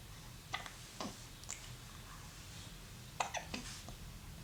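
Several short, sharp hiccup-like catches at irregular intervals over a quiet room background; brief involuntary hiccups.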